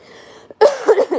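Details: A single harsh, slightly wet cough burst after a quiet moment from a livestreamer still sick for over a week, who mentions having been coughing the night before.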